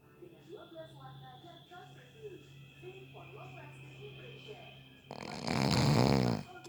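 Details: Person napping who fell asleep within 30 seconds: quiet background voices, then one loud, rough, rattling snore on the in-breath; snoring.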